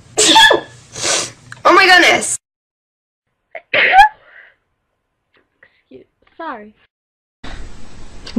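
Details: Sneezing, from a compilation of different people: a string of separate sharp sneezes, some with a short breath in before, then quiet; ordinary sneezing.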